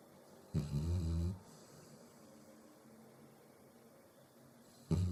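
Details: Sleeping Labrador gives loud, low, rattling snores on the in-breath, with quiet pauses of several seconds between them; snoring.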